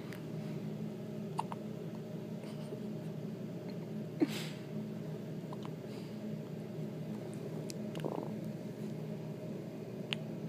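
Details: A baby about 1 month old with hiccups: two sharp, brief hiccups about four seconds apart over a steady room hum. Ordinary hiccups.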